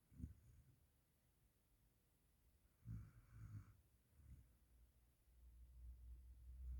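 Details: A few low, rough snorting breaths in a quiet room, with a rumble building at the end, from a dog; snoring.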